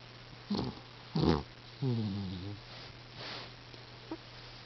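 Short nasal snorting breaths with one longer buzzing snore, over a steady low hum; a cat snoring.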